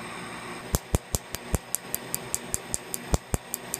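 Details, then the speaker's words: Sharp, regular snapping clicks about five per second over faint room hum: Q-switched laser pulses during a second tattoo-removal treatment of old tribal tattoo ink on the inner arm. "what this does is it equally distributes Energy across the beam allowing for a much more efficient much safer treatment with every treatment"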